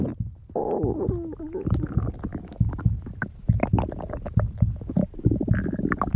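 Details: Continuous low rumbling and gurgling with bubbling pops from the belly: ordinary stomach growling.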